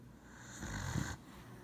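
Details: Dog napping on the owner's lap, possibly dreaming: a single soft, low, fluttering snore that rises and then fades. Ordinary harmless snoring during sleep.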